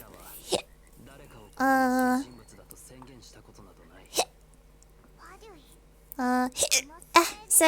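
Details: A person hiccuping: several abrupt, sharp hiccups at irregular intervals, some followed by brief squeaky voiced sounds; hiccups.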